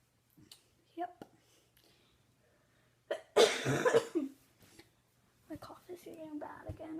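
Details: One harsh cough burst among soft vocal sounds and breaths in a quiet room; a single cough.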